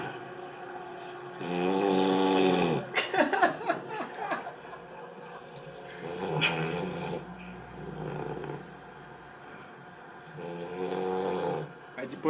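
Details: Snoring heard over a PS3 voice-chat line with some background noise: loud, rough, rattling snores on the in-breath; heavy snoring.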